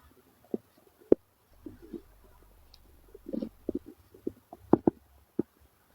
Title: Male stomach growl 67